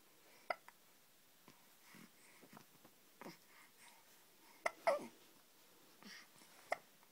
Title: Hiccup